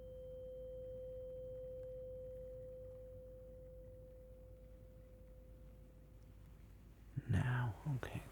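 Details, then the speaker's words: Role-played ASMR ear exam for a complaint of hearing loss: a struck tuning fork's steady pure tone fades over about six seconds, then handling noises; simulated tuning fork hearing test. "this one's gonna be pretty high pitched you know and you can no longer hear it or now okay good that's quite good"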